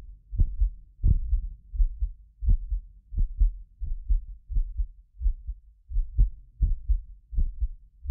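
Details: Heartbeat of a self-described medically fit person, recorded with more than six precision contact microphones; regular low thumps about 86 a minute, occasional doubled clicks from the roughly 6 ms microphone delay, not the heart; normal heart sounds.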